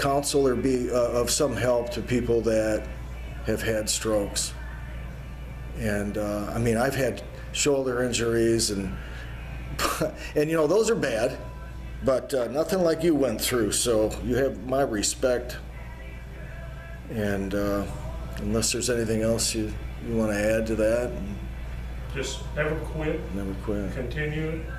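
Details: Adult male speaker; no speech disorder.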